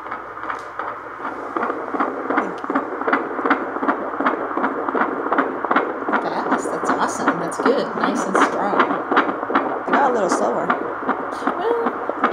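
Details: Fetal heartbeat on Doppler at 24 weeks in a first pregnancy: rapid, regular whooshing beats at about 158 per minute, strong and normal.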